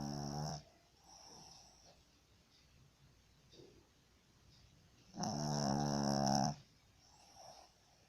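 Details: Snoring in a sleeping dog: two loud, rasping, buzzing snores about five seconds apart, with soft breaths between, over quiet room noise.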